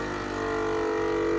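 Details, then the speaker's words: Oral suction machine for oral care, plugged in with canister and tubing attached and caps closed, switched on: a loud, steady motor drone with a constant hum. "I'm going to turn it on its gonna make a really loud racket you want to make sure that these caps and things are closed so that it has good suction"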